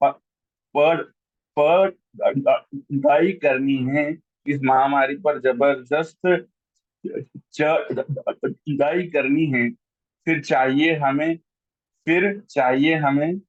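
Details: Adult man who stammers, a member of a stammering association, reciting his own Hindi-Urdu poetry at an online event, repeating a syllable many times before a word; stuttering.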